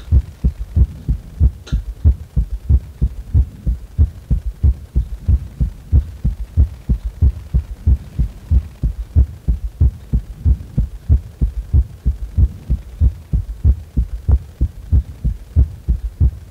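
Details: Heart sounds recorded while resting lying on the back: steady, regular low thumping heartbeat at about 94 a minute; normal heart sounds.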